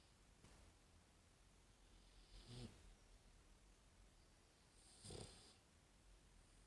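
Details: An English Bulldog born December 2015, snoring: soft, low snorting breaths about every two and a half seconds over steady room noise, a gentle snoring.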